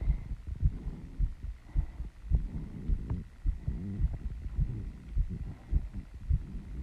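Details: Woman's heartbeat after running and squats, slowing down while she is still out of breath; rapid, regular low thumping at about 105 beats a minute with faint breathing noise.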